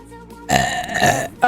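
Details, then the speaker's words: A short, low, rumbling belch over background music from a VTuber's livestream burp compilation, with the streamer asking viewers to rate it out of 10; an ordinary burp. "Rate that burp out of 10."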